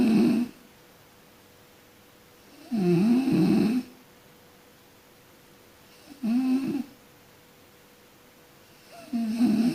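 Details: A sleeping person snoring: repeated low, rattling snores with quiet pauses between them, about 19 a minute.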